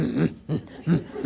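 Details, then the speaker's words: Lecturer vocally imitates aortic stenosis with atrial fibrillation, as heard in an elderly woman: harsh murmur bursts at irregular intervals, reflecting the very irregular rhythm of atrial fibrillation. "little ladies always have a oryx gnosis and they always have atrial fib if you ever hear atrial fib it's very irregular right a fib very irregular and if you're a little old lady with afib and aortic stenosis it sounds like this"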